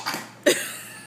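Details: A young girl reciting the US states gives a short, abrupt cough: one sharp burst after a softer breathy sound, in a small room.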